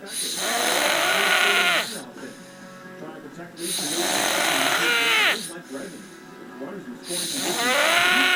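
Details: Adult man snoring while taking a nap: repeated loud, harsh snores about every three seconds, with music playing in the background.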